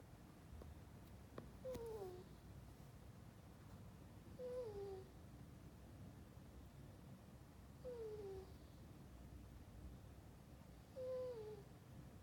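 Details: Sleeping ferret snoring: soft, squeaky whistling sounds on each breath, about 19 a minute, over quiet room noise.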